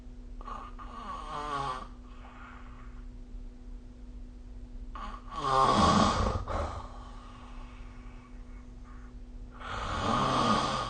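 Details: Snoring during sleep recorded with the SnoreLab snoring app: loud, rough snores recurring with breathing, about three snoring breaths in eleven seconds.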